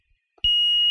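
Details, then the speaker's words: LTV 950 laptop ventilator in vent check mode at a children's hospital: a brief click, then a steady high-pitched alarm tone during the pre-use alarm test, which cannot be silenced while testing. "can't silence it now because I'm testing it I can't silence it"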